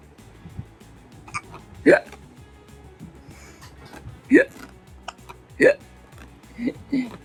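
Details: Infant with hiccups that would not stop: four or five short, sharp voiced hiccups over about seven seconds, with soft music and room noise behind.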